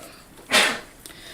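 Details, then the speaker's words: Adult man, husband, sneezing in the background during a household bout of seasonal colds; he may be getting sick. "That's my husband sneezing back there. If you can hear the sneezes, I think maybe he's finally getting sick like the rest of us."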